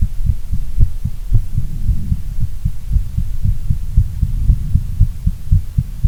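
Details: Female heartbeat, long recording: steady, muffled, low thumping normal heart sounds at about 115 beats per minute with a humming background.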